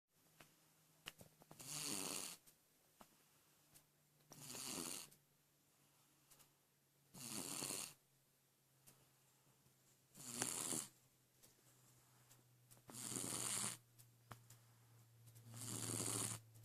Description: My little monster snoring away in bed. You can't see anything but you can sure hear him haha.